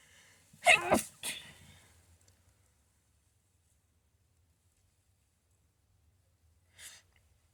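Two sharp, forceful sneezes in quick succession, then a quieter breathy burst a few seconds later; a sneezing bout.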